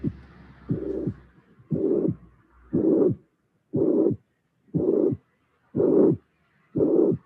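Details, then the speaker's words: Constructed heart sounds near 59 beats a minute: long systolic murmur, third heart sound and small murmur after it, marking severe mitral regurgitation with diastolic flow murmur. "this is a a an example of a severe maditation because there is a third sound and the small mmur after the third sound"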